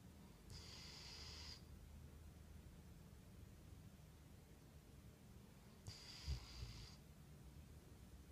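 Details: Soft hissing snores several seconds apart over faint room noise from a sleeping dog.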